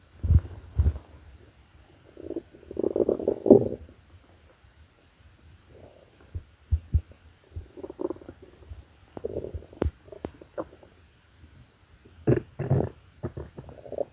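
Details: Stomach growling in a sleeping person (Mary): irregular gurgling rumbles and brief pops with quiet gaps between bursts.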